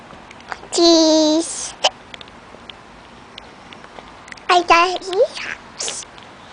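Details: Girl with hiccups.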